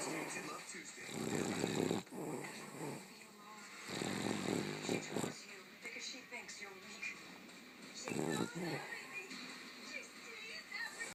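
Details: Sleeping Boston terrier: rough, rattling breathing sounds recurring every few seconds over room and television noise; snoring.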